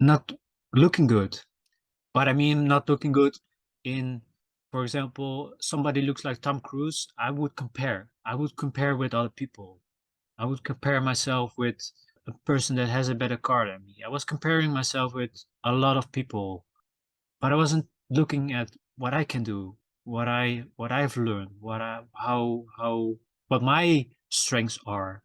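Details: Self-reported stuttering in a male podcast host, who says his stutter can be heard in his episodes; stuttering.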